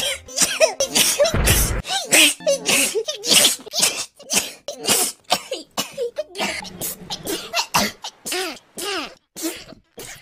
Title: 1 Minute of Hololive Sneeze | Hololive Sneeze Compilation